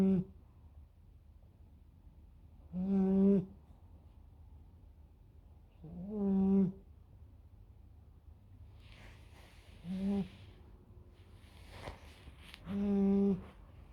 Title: Snoring puppy at 12 weeks